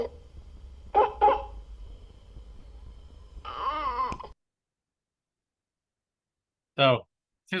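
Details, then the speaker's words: Croup (laryngotracheitis) in a young child, scenario of an EMS call for a sick child at 11 pm: two short harsh barking coughs, then strained high-pitched stridulous breaths and whimpering. "Laryngotracheitis. All right. Maybe better well known as croup."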